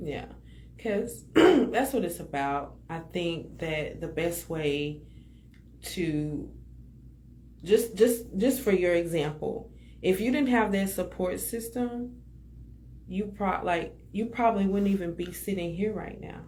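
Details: Adult speaker; normal conversational speech.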